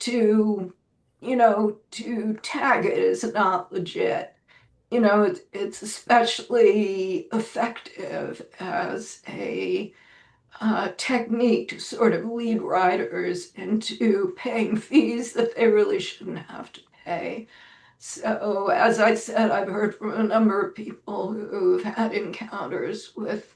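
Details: Adult woman with self-reported spasmodic dysphonia, which she says causes her voice to sound this way; severity varies day to day, and she describes this as not a particularly good day; spasmodic dysphonia.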